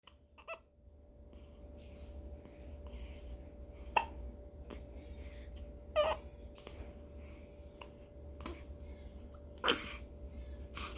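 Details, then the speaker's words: 15-day-old female newborn: brief, abrupt hiccups repeating irregularly, about three in ten seconds, with soft infant noises between; ordinary newborn hiccups. "아이고 딸꾹질, 딸꾹질, 딸꾹질."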